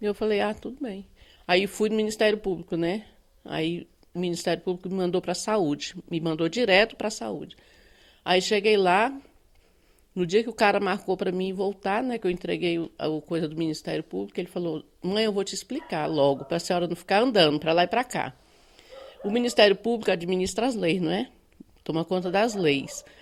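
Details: Adult woman speaking Brazilian Portuguese; normal speech.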